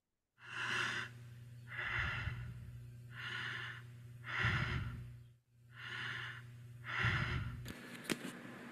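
Steady, even, unlabored breaths in a regular rhythm with a low hum behind; normal breathing pattern (eupnea).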